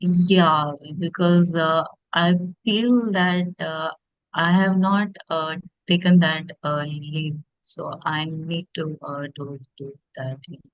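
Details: Stuttering in a woman who stammers, speaking as an audience member in a podcast Q&A.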